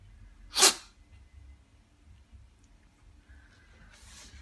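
A single sharp sneeze, then quiet breathing and a soft snuffle at the end.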